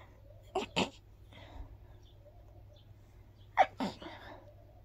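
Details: Person sneezing after a walk in the park, attributed to grass pollen: two bouts of sharp, breathy sneezes, each a quick double burst then a soft exhale, against quiet room noise; repeated sneezing.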